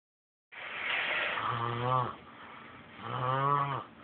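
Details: Two loud snoring breaths in a sleeping man, each a rough airy inhale ending in a deep vibrating rattle; ordinary snoring.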